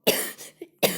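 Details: A girl coughs while recording a Roblox skin video, apologising for the coughing; two short, harsh coughs about a second apart with a brief catch of breath between.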